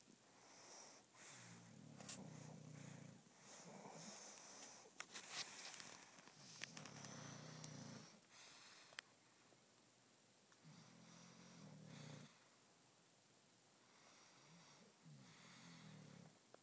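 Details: Sleeping female English Bulldog, described as a loud sleeper: soft, low rumbling snores returning every few seconds over faint room noise; quiet snoring.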